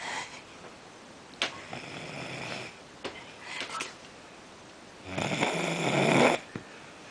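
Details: Young girl snoring during sleep: irregular noisy breaths with clicks, ending in one long, loud, harsh snore.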